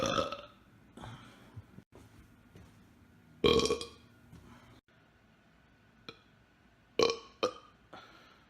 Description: Burping on command will get you places.